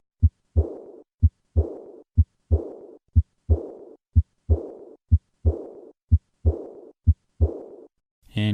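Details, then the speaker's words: Regular heartbeat at about 63 a minute; each second sound is followed by a blowing, fading diastolic murmur of aortic regurgitation. "a or DIC dissection can result in acute severe aortic regurgitation in this situation there is decreased forward stroke volume resulting in pulmonary edema and sometimes"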